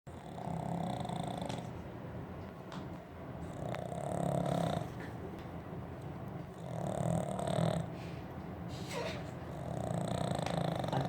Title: The snoring pug !